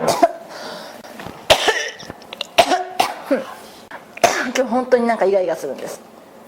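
Repeated harsh cough bursts, about four to five in quick succession with throat clearing, in a quiet room; a persistent cough.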